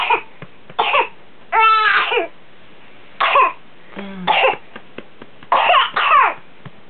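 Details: Child's coughing episode recorded for doctor after antibiotics for pneumonia; repeated harsh coughing bursts with high strained crowing intakes between some; paroxysmal cough, possible pertussis (whooping cough suspected).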